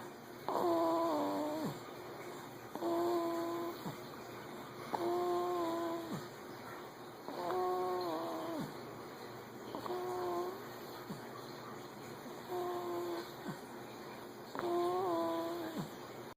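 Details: Baby asleep after finishing an 8 oz feed, snoring: regular tonal snores about every two seconds, roughly 26 breaths a minute, with steady room hum behind.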